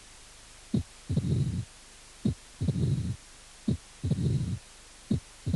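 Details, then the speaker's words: Mitral stenosis: loud first heart sound, sharp early-diastolic opening snap and low-pitched diastolic rumble, about 42 beats per minute. "soplo diastólica y el primer ruido fuerte chasquido proto diastólico y retumbo diastólica"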